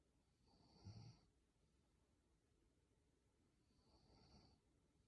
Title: 萌え声の寝落ちいびき配信 #いびき #イビキ #snore #snoring #寝落ち